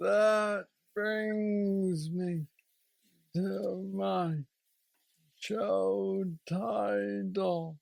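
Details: Man diagnosed with aggressive Parkinson's disease at age 35, now 46 (about 11 years since diagnosis), with mobility struggles; treated with a deep brain stimulator (neurostimulator implant) placed two years after diagnosis; Parkinsonian speech (hypokinetic dysarthria).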